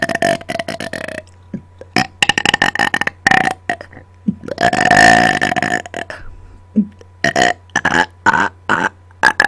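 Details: Many loud belches, some drawn out, made deliberately on command after dinner into a microphone, over a steady low hum; repeated belching.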